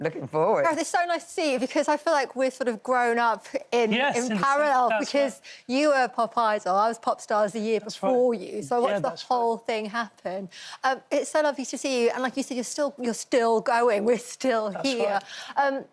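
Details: Adult woman speaking; normal fluent speech.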